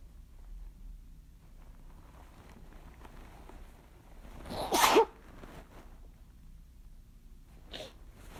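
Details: Quiet room, then one loud explosive sneeze and a softer second burst a few seconds later, brought on by chhinkni; strong sneezing.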